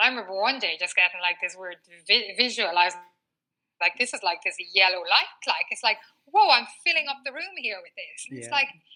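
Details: Stuttering in a 39-year-old woman, a former covert stutterer who now stutters openly, with a word-repetition pattern; she has had speech therapy including fluency techniques.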